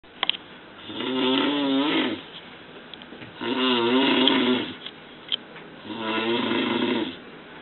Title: Snoring Disaster in Ruwais